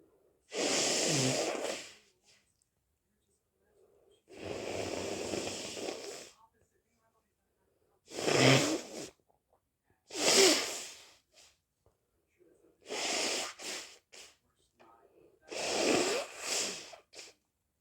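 A run of sharp, explosive sneezes mixed with longer, forceful nose blows, spaced a few seconds apart: a sneezing fit.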